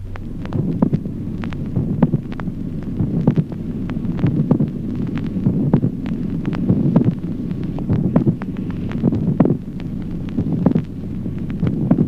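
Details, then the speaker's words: Heartbeats with a crisp, resonant extra click shortly before a dull second heart sound: late systolic click, teaching auscultation example. "Ejemplo octavo, clic telesistólico. El segundo ruido sordo es precedido a poca distancia por un notable ruido adicional"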